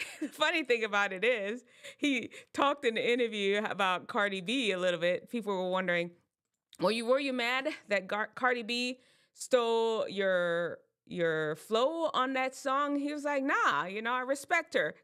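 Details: Adult speaker; normal speech.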